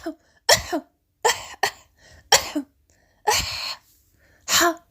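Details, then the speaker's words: Adult deliberately coughing from the throat, demonstrating a voluntary cough: several short cough bursts separated by brief pauses. "the sound goes from my throat now today you are going to cough in arabic"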